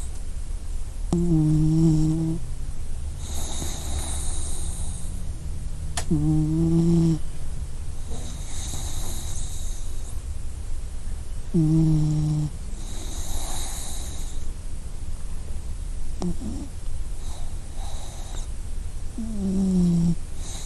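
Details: Puppy snoring softly, about 15 breaths a minute, with whistly intake and airy outward breath.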